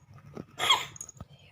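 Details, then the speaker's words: Pet cat with sneezing, cough and runny nose (cat flu): one sharp, hissing sneeze with a softer snort before and after. "Juned Itu bersin dan batuk sepertinya Montana berikut ada videonya teman-teman contoh-contoh"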